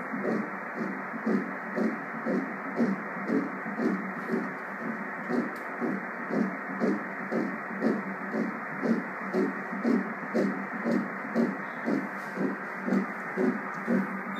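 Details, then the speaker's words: Embryo at six weeks after conception, 5 mm (6 weeks 2 days) on ultrasound, with a flickering heart seen. Rapid, regular whooshing pulses at about 118 per minute; early fetal heartbeat on Doppler. "Y si ustedes se dan cuenta, ya hay algo que titila aquí. Ese es su corazoncito."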